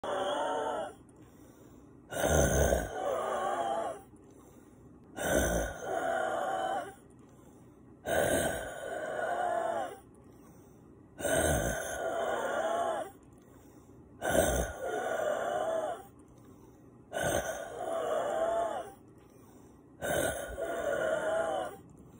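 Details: Woke from sleep gasping for air, sinuses and lungs congested with mucus, usually relieved by breathing-machine medication: loud, wet, labored breaths with a gasp on each intake, about 20 per minute; labored congested breathing with gasping.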